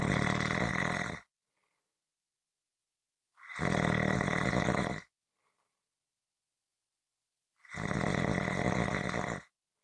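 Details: Harsh, rumbling snores lasting over a second each, about every three seconds with silence between; loud snoring.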